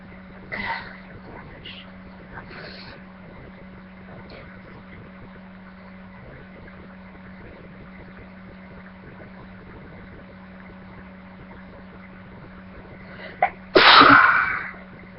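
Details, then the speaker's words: Person who feels very sneezy: a few faint catches of breath, then one sharp, loud sneeze near the end, over a steady low hum. "Feels really weird. Me like not wanting to actually sneeze. I just feel so stinking sneezy."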